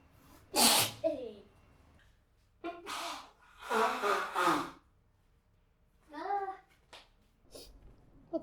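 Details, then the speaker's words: Simulated, acted repeated forceful spray sneezes with sharp gasping intakes, performed by a model during a staged treatment, sneezing onto the client's face. "すいません。くしゃみいっぱい顔にかかっちゃいましたよね。ごめんなさい。"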